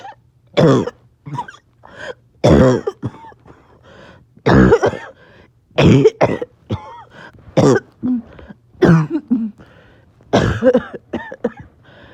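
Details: Person who says they are a little short of breath; repeated bursts of harsh coughing with brief gasping breaths in between: back-to-back coughing fits, clipped together.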